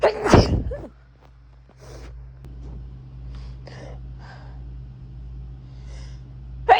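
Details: Random sneezes recorded over a couple of days: a single loud explosive sneeze at the start, then quiet room hum with faint rustling; another burst begins at the very end.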